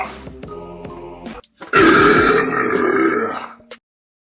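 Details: A long, loud, drawn-out deliberate burp after a short stretch of music, amid silence.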